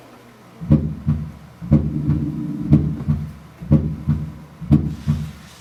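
Regular low heartbeat near 60 a minute with a soft extra sound just before the first heart sound.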